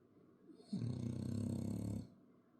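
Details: A single loud, rattling, low-pitched snore lasting over a second from a sleeping French Bulldog; snoring.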